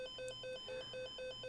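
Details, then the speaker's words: Hospital medical gas system low-oxygen supply alarm: rapid repeating electronic two-tone beeps, about eight pulses in under two seconds, sounding every 15 minutes until oxygen cylinders are changed; mutable on wards. "the medical gases system is programmed to warn staff when supplies of oxygen are low and need to be changed when this is the case an alarm sounds every 15 minutes until it has been"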